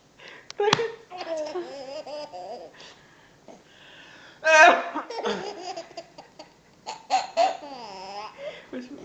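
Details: Baby boy laughing nonstop in bursts of high giggles, broken by two short, sharp coughs caught between laughs; cough during laughter.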